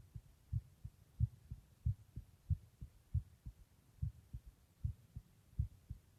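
Soft paired low thumps, steady at about 92 beats a minute, over quiet hiss; an ordinary heartbeat.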